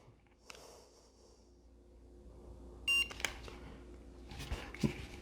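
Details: Brief electronic beep from a touchless thermometer as an adult takes their own temperature in a quiet room during baseline vital-sign checks at the start of a 90-day weight-loss program; reading normal.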